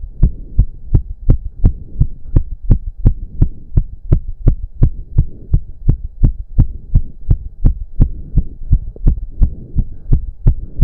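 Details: Male's heartbeat during an intense 15-minute cardio workout with heavy breathing, reported close to 200 bpm: hard, regular pounding beats at about 170 a minute over a steady hum; exercise-induced sinus tachycardia.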